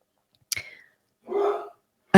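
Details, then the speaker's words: Sneezing heard in the background while someone talks. "before I go forwards I would also sorry about the sign of the sound of my husband's sneezing in the back it's funny now"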